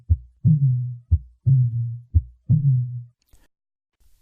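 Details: Cooing dove murmur.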